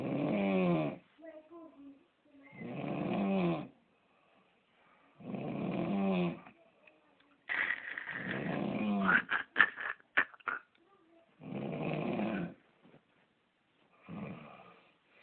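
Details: Repeated low, rattling, throaty snores with short quiet gaps and a few soft snorts between; snoring during sleep.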